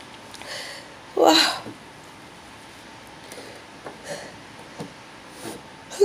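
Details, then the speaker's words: Bout of very intense, repeated sneezing, unable to stop, eyes affected: one loud, forceful sneeze burst, then softer breaths and sniffs in a quiet room; sneezing. "Oh, goodness, it's okay. Wow. Oh, God. Ah, phew. I can't stop, Stacy."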